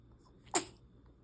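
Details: A single small, sharp, high-pitched sneeze, a newborn's first sneeze after birth, against quiet room noise; a normal newborn sneeze.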